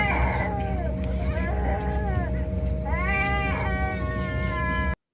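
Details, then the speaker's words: Rising and falling wailing cries from a baby on a plane, recorded by another passenger, over a steady background hum: ordinary infant crying. "This is baby crying from some dude on bar stool."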